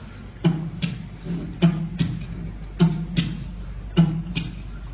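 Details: Heart sounds from a medical lecture on valve replacement (mitral, aortic, or double valve), with clear sound of every valve. Prosthetic aortic valve sounds.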